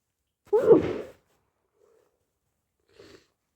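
One wet, congested sneeze followed by quiet sniffles; a sneeze with a stuffy nose during a cold.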